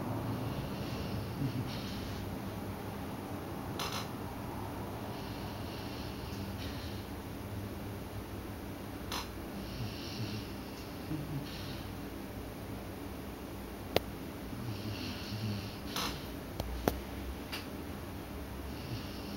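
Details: Sleeping dog snoring: slow, snorting breaths repeating every few seconds over a steady fan-like room hum.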